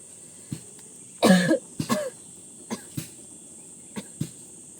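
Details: Cough in an adult woman whose body was weakened by a cough: two loud, harsh cough bursts with several smaller throat sounds, in a quiet room with a steady background hiss.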